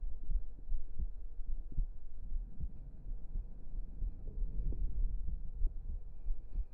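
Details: Close-up ASMR heartbeat recording for relaxation: soft, regular, low thumps at roughly 70 to 80 per minute under a low steady hum; normal heart sounds.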